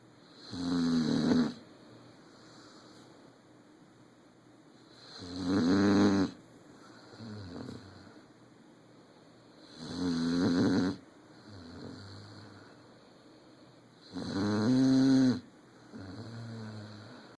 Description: is snoring in his brothers ear.